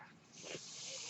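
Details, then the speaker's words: A soft, steady airy hiss swells over about a second: one breath from the speaker's own mechanical ventilator, heard while he talks on a podcast. "my name is that noise earrings my ventilator and thank you for tuning in to Page sternest they were not my story podcast"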